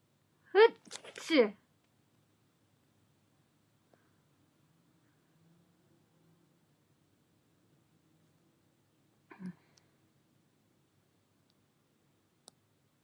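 A sharp sneeze with a short lead-in breath, then a smaller sneeze-like burst later in a quiet room.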